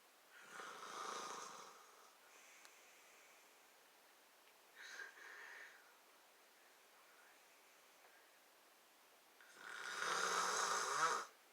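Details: Adult man (a father) snoring while asleep on Thanksgiving night: two loud, rough snores about nine seconds apart, with a softer snort between them, in a quiet room.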